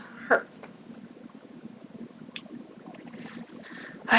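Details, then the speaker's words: Hiccups during a severe bout, some described as painful and funny-sounding: hiccups (singultus). "Oh, that hurt. That sounded funny. Some interesting hiccups."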